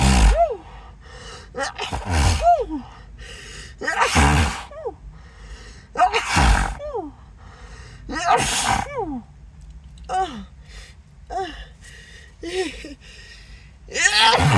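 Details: Acted sneezing fit, sneezer apologizing, saying nose tickles and feeling dizzy: repeated loud sneezes, each preceded by a gasping in-breath, about one every two seconds.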